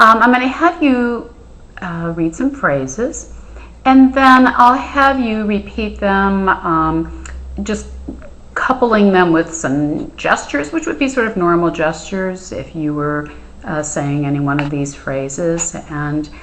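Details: Adult woman (clinician); Normal speech.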